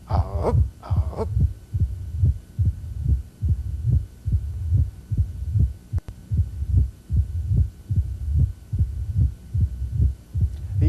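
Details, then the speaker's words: Mitral stenosis heard with the bell at the apex: regular beat about 72/min, slightly loud first heart sound and a low-frequency diastolic rumble with a presystolic component. "so we got low frequency we were heard with a bell at the apex pre-systolic component first heart sounds usually a little loud"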